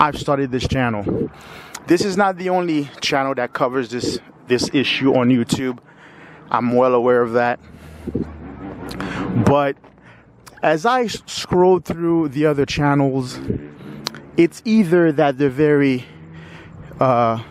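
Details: 45-year-old man with lifelong stuttering who says he is not fluent despite periods of fluency; audible word repetitions; stuttering.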